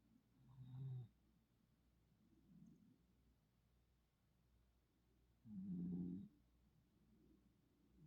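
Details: Sleeping female puppy snoring: two soft, low rumbling breaths several seconds apart.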